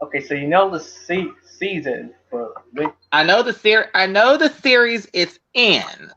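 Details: Adult speaker; ordinary speech.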